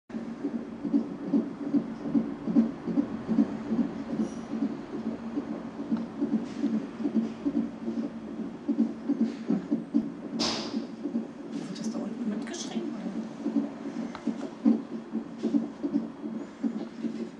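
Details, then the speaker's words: Heart sounds recorded in 2009, remarked to sound like a zoo: repeated soft, low, muffled heartbeat thumps with rubbing and handling noise. "Was? Hört sich an wie ein Zoo."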